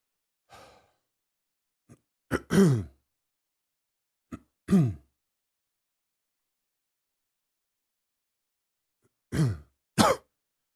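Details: A few short, voiced coughs in small pairs separated by quiet pauses, described as a little morning cough to wake up the lungs.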